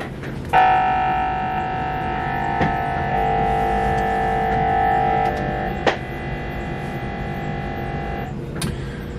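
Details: Loud steady droning tone with shifting pitch and occasional clicks from a Siemens MRI scanner, head coil with a phantom (no patient), running a quick three-plane localizer for a head/brain setup while adjusting transmitter frequency.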